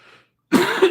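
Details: Single short cough or throat-clearing burst from an adult man speaking on a live broadcast, who says he is wheezing a little.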